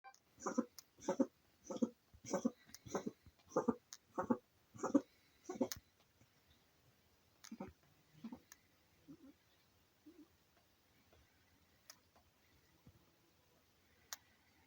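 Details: A cat gives a rapid run of about nine harsh coughing bursts, then a few softer hacks; the owner suspects a fur ball. Cat cough.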